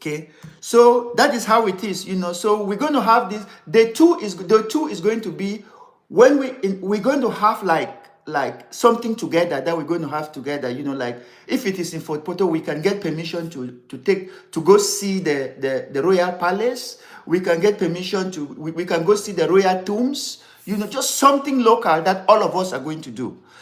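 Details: Adult man who has stammered severely since childhood, over more than sixty years, and still has difficulty pulling out words; later diagnosed with ADD; unedited live recording; stuttering (stammering).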